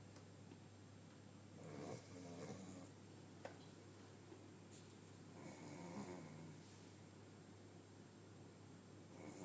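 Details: Dog Oliver snoozing after a very long walk: soft, irregular snoring sounds over a steady low room hum.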